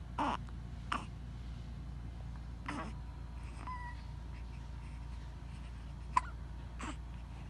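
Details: Brief sharp catch-like sounds at irregular intervals, about six over several seconds, against a low room hum; baby with hiccups.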